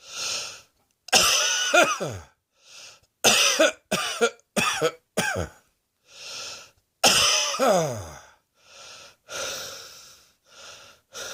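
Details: Repeated forceful adult coughs in short runs, with noisy breaths drawn in between: cough.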